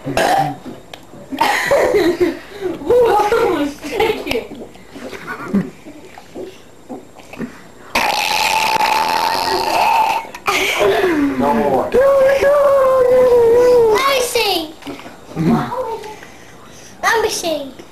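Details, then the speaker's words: A 4-year-old boy burping for real, not faked, on request: several long, loud, gurgling belches, with laughter and talk around them. "That was my boy burping."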